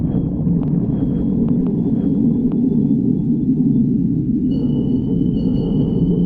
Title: Pan stomach growling 45